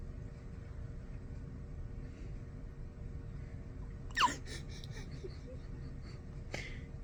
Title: Newborn Hiccups